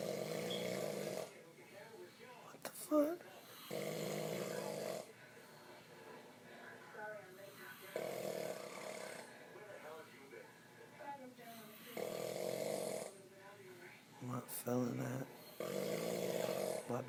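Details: Heavy, loud snoring: repeated buzzing snores roughly every three to four seconds, with faint voices and noise in between.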